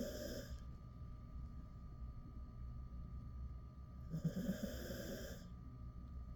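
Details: Ten-year-old male Jindo dog snoring while sleeping with his head on a door sill: soft, low rumbling breaths with a brief snort over steady room hum; light snoring.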